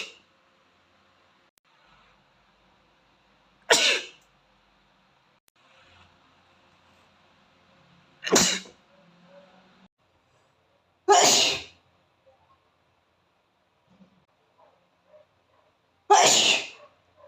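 Four loud, explosive sneezes a few seconds apart, with quiet pauses between.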